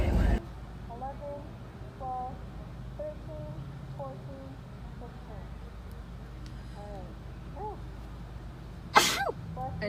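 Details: Sneeze after a COVID-19 nasal swab test inside a car: one sharp sneeze near the end over a low engine hum and quiet talk.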